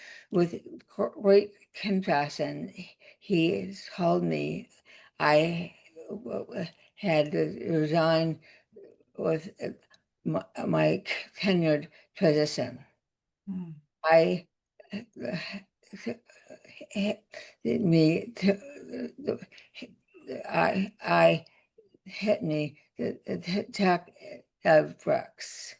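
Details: Adult woman with aphasia after a significant stroke that also caused paralysis; word-finding pauses and garbled words; aphasia.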